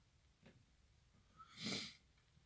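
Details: A quick intake of breath, then one sharp, explosive sneeze in a quiet room; afterward the person who sneezed reassures a companion who is checking on them.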